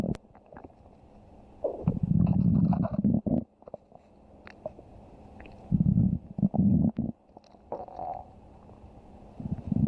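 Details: Adult's stomach growling: low, irregular gurgling rumbles in bursts with quieter gaps, ordinary borborygmi from gas and fluid moving through the gut.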